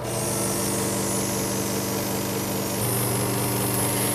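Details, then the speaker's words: Loud steady buzzing hum with hiss from a prescription nebulizer compressor switched on for asthma treatment, after the tubing is connected and the mouthpiece set straight for the patient's mouth; nebulizer machine running. "and oftentimes we'll check that the mouthpiece is comfortably situated to go directly into the patient's mouth so that it's straight and then all we do is go ahead and turn the nebulizer on"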